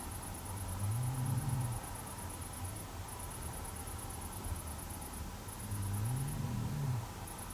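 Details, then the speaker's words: Adult man asleep at night in a garden trench snoring extremely loudly: two loud, low, rattling snores on inhalation about five seconds apart, with steady insect chirping in the background. "He's snoring so extremely loud that I can't sleep. And because I'm in here, I don't know, it makes it even louder somehow."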